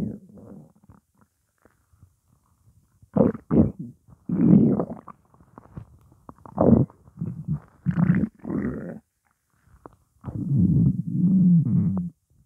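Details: Morning hunger: low gurgling rumbles in irregular bursts with pauses; normal stomach growling, borborygmi.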